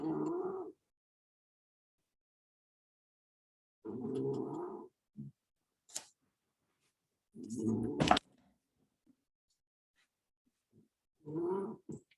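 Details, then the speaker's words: Sleeping Jack Russell snoring: low, rough rumbling bursts about every three and a half seconds, roughly 16 a minute. "Can you hear him snoring? We can bore the shit out of a Jack Russell, we can."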